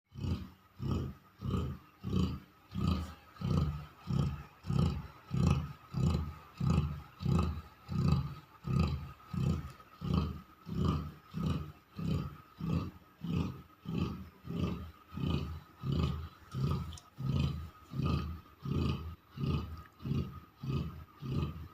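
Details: Loud, rapid, regular low rattling snores, about 90 a minute, from Giant, a sleeping pet: loud snoring.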